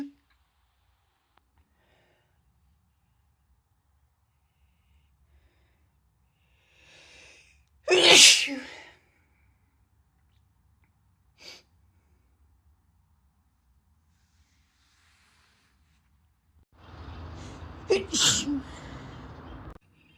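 Two or three sharp, explosive bursts of air separated by quiet, typical of sneezes; the last comes with faint room noise.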